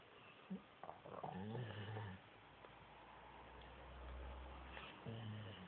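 Low rumbling, throaty breath sounds with a fluttering quality from a sleeping dog, consistent with snoring.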